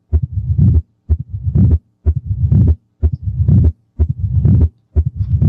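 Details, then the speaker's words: Regular beats at about 62 a minute, each with an extra sound (opening snap) followed by a long, low-pitched diastolic rumble into the next beat: mitral stenosis. "this is the cartoon of the mormar and you get a sense of how this extra sound is followed by this long low pitched diastolic mormar going into the next"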